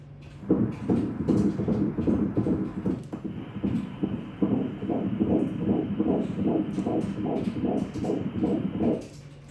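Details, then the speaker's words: Doppler fetal heartbeat of the second twin, lying on its back, at a 12-week first-trimester screening ultrasound of a twin pregnancy: fast rhythmic whooshing pulses at about 153 per minute, normal. "так І це серцебиття буде теж десь 153 приблиз"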